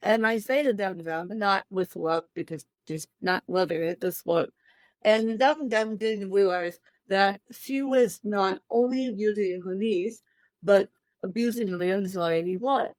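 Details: Adult woman with cerebral palsy since birth, born 13 weeks premature at one pound thirteen ounces, speaking in a real interview; dysarthria (cerebral palsy).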